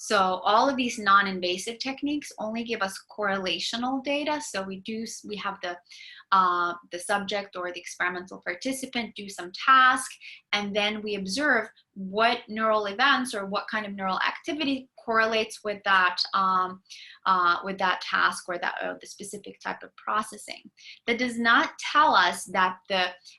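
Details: Adult lecturer speaking; typical speech.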